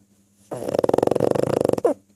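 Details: Pug snoring: a single long fluttering, rattling breath sound lasting about a second, ending in a short snort.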